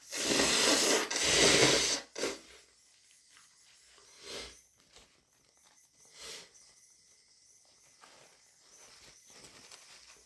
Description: Lots of blowing, sniffling and a couple of snotty sneezes 🤧🤧